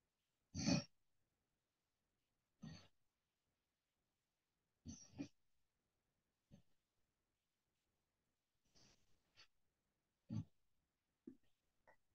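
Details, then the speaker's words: Adult doctor's own overnight SnoreLab phone-app recording, scored 2 points: short, low rumbling snores with breaths repeating every couple of seconds; snoring, which the doctor says indicates sleep airway obstruction. "那呃，你大概听到之后，诶，真的是有一点点那个打鼾的声音嘛，哈。"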